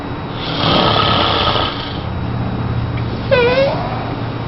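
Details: Tiger snoring: one long, loud, rough snoring breath, then a brief high-pitched vocal whine over steady room noise.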